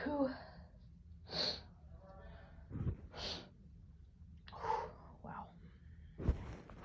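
Several short bursts of breath noise with sharp air releases, sneeze-like, against low room hum.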